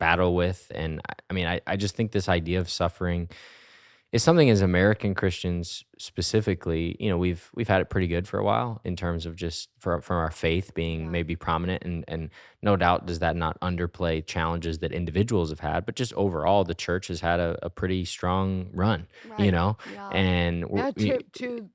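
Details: Adult male speaker; normal speech.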